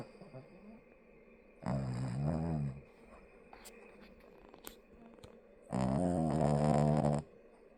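Two long, deep, rattling snores about four seconds apart, with quiet breathing between, in a quiet room: loud snoring during sleep.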